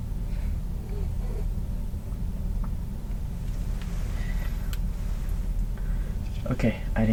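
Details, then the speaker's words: Abdominal stethoscope auscultation for bruits, moving from the aorta below the xiphoid to the renal and then the iliac arteries; no turbulent swishing heard: no iliac artery bruit, normal. "so I think this concludes the auscultation piece we've listened and we didn't hear anything unusual"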